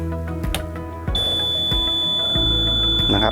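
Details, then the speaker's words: Medical oxygen concentrator start-up beep when switched on, before the oxygen flow gauge is set to about 3 litres per minute, delivered by nasal cannula. "เปิดเครื่องเครื่องจะทำงานพอเสียงติ๊ดจบนะครับให้ปรับเกจระดับออกซิเจนนะครับให้อยู่นะครับใน3ลิตรนะครับ"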